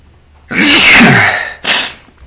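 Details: Adult male sneezing while talking, after having a few drinks: two sneezes, a long, loud, voiced explosive sneeze followed by a shorter second burst.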